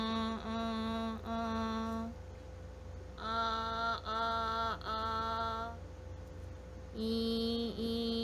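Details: Hypernasal resonance on vowels ('e'), demonstrated with the nose-holding test in cleft palate/velopharyngeal dysfunction assessment; resonance change on nasal occlusion indicates hypernasality.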